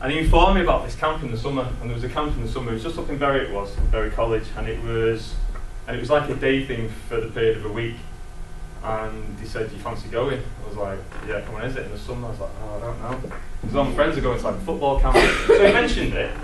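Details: Stammering (stuttering) in an adult man who has stammered as long as he can remember; strong in childhood, improving with age; he has used avoidance tricks to hide it.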